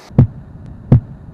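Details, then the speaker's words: Normal heart sounds heard as a stethoscope-style lub and dub: two clean, low thumps over a faint hum with no whooshing murmur between them. "The normal heart just makes two sounds, lub and dub."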